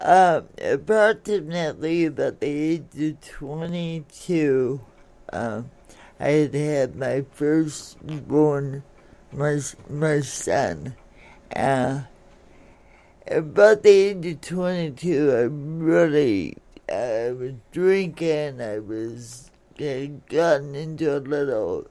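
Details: Dysarthria from congenital cerebral palsy in an adult woman born in 1959, caused by oxygen deprivation to the brain during delivery; it affects her speech and motor skills, and some listeners have difficulty understanding her.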